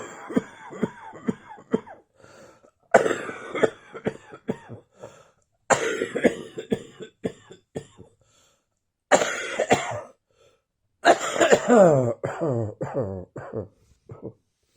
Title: Still Wheezing and Coughing Up a Storm.